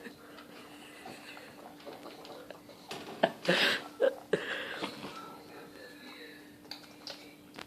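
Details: Pug dog that makes these noises every time he eats: intense irregular snorts, snuffles and wet gulping noises while eating.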